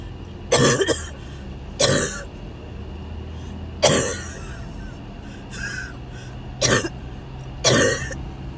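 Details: Repeated coughing spells recorded during a car ride to the hospital ER: about six harsh coughs at irregular intervals over a steady car engine drone.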